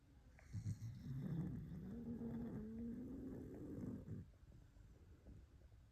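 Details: Sleeping dog: a drawn-out, rumbling, slightly groaning breath followed by quiet breathing; dog snoring.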